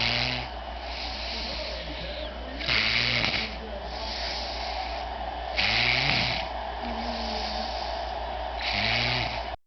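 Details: Regular snoring at about 20 breaths a minute: a rough, rattling snore on each breath in and a softer hiss on each breath out, over a steady background hum.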